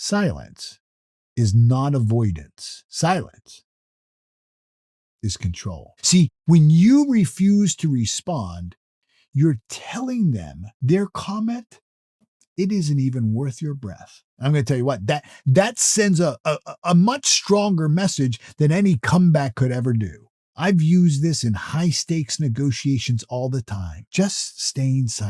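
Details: Adult male who self-reports that he stutters or stammers, with repeated words in his natural speech; stuttering.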